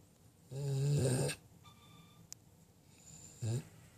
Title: Jersey snoring